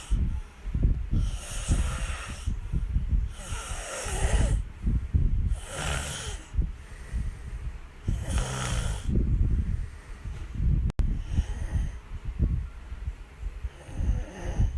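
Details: Sleeping adult snoring, caught on camera: rhythmic rattling snores on each breath in, about 18 breaths a minute.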